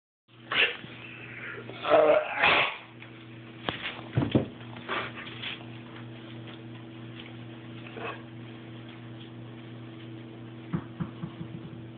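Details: Dog Rowan, recorded for Dr. Jeff, gives several harsh coughing and retching bursts over steady background hum; coughing and gagging.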